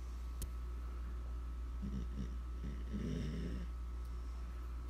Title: Snoring basset hound puppy